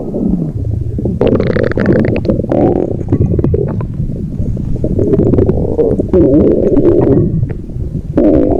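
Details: Stomach growling: loud, continuous low rumbling and gurgling lasting several seconds, a normal gut sound.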